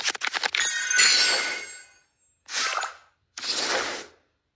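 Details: A rapid catching breath, then a sharp hissing burst and two further short bursts: a run of sneezes.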